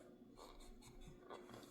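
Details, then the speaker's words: Soft, rasping snores from a resting pit bull lying on the couch, faint against quiet room noise: dog snoring. "Uh-oh. If you hear the snoring, that's the dog. That's my little pit bull."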